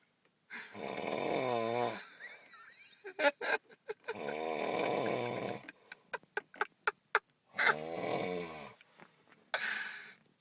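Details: Loud, rattling snores with a strong buzzing quality, separated by brief clicking and smacking sounds; a man snoring while passed out asleep in a truck after a night of drinking.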